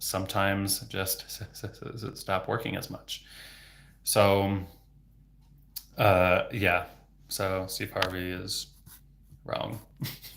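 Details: Adult male speech-language pathologist who has stuttered since age 8 (26 years), speaking without fluency techniques, with sound, word and phrase repetitions and blocks; stuttering.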